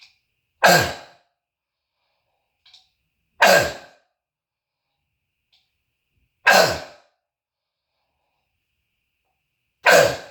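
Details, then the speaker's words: Adult with croup diagnosed by family doctor, throat tickle and phlegm: four harsh, explosive single coughs about three seconds apart with silence between, a loud seal-like barking cough echoing off walls. "so that's an asmatic cough it's like a seal barking cough is what it is"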